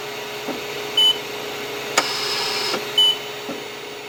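Steady machine hiss and hum with short high beeps about every two seconds, from a hospital ventilator.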